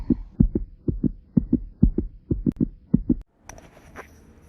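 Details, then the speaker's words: Regular heartbeat, paired lub-dub heart sounds at about 125 beats a minute, then a brief burst of hiss; demonstrating heart rate (contractions per unit time). "Se entiende por frecuencia cardíaca al número de contracciones del corazón o pulsaciones por unidad de tiempo."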